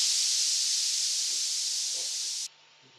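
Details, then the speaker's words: Steady loud white-noise-like hiss for over two seconds, then switched off. This is the customizable tinnitus masking sound generator of the BeHear ACCESS Model II hearing amplifier headset, tuned via an app frequency/pitch grid. Tinnitus masking noise. "To change the frequency and pitch of the sound, you simply place your finger on one of the squares and listen to the sound, and then experiment. Do you hear the difference in those sounds? When you reach a sound that matches your tinnitus, you can then save that."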